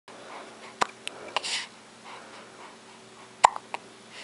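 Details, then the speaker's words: Newborn boy a few days old: short, sharp, repeated little gulping catches in a quiet room; hiccups. "Oh, he got those hiccups, poor baby."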